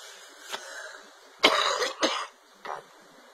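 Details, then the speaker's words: Two loud, harsh cough bursts after a faint throat sound, then a softer cough: a repeated, dry-sounding adult cough in a quiet room; the person cannot stop coughing and claims to have coughed up fibers. "sorry I'm gonna have to end it because I keep coughing"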